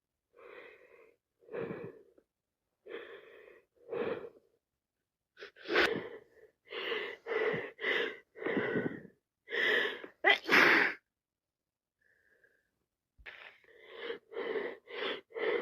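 Rapid run of sharp nasal sniffs and gasping breaths with a couple of louder sneeze-like bursts, fitting wet cold sneezing and sniffles.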